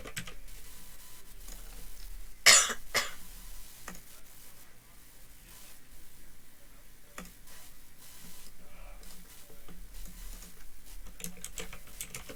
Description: I type on my new keyboard with Otemu blue switches for seventeen minutes and thirty six seconds but it's a really old mic and i cough and clap a few times for no reason